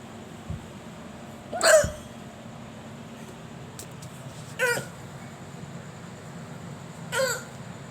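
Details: Hiccups during a rendition of "Ekla Chalo": three sharp hiccups a few seconds apart, about 20 a minute, in a quiet room.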